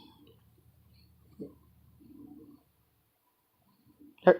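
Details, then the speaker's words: A dog gives short, harsh cough bursts in a quiet room, the last one loud and abrupt, coughing loudly enough to interrupt nearby speech. "The reason I'm stopping is I don't know if you can hear over me because she's coughing so loudly."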